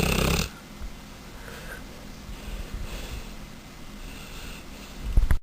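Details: Mastiff puppy snoring loudly while asleep with eyes open: a brief loud burst, then a low rumbling breath noise and soft snoring through the rest.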